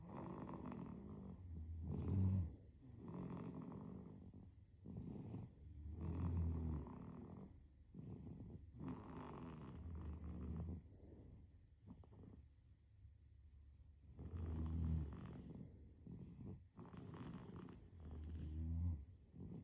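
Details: Sleeping baby with soft, low, rumbling snores in an irregular breathing rhythm, about 15 a minute; infant snoring.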